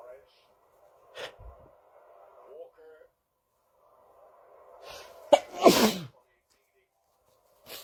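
A quiet gasping intake followed by a loud, explosive voiced sneeze burst in a quiet room; a single sneeze.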